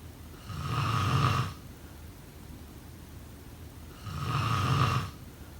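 Two long, rattling low snores on breathing in, separated by a quiet pause; ordinary snoring during sleep.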